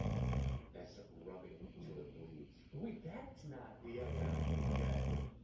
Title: Man snoring after long hard day at work.